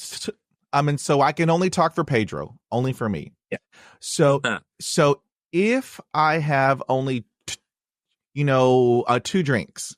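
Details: Man who has stuttered since childhood, with blocks and repetitions, speaking on a podcast; had speech therapy in 1975; long-standing avoidance of reading aloud and presentations; stuttering.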